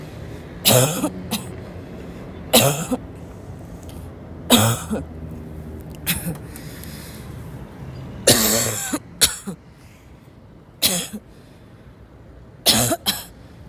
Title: my lungs are barking and i'm breathless #cough